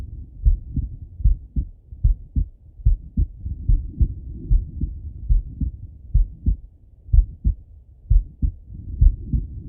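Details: Heart sounds of a male lying on his left side, via stethoscope: muffled lub-dub heartbeat, about 74 beats a minute, with some rubbing noise.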